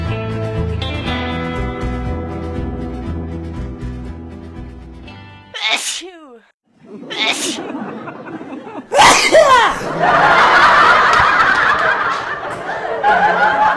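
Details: Funny sneezing: music, then a sharp inhaled gasp and sudden bursts of forceful sneezing with a high vocal squeal, over background music.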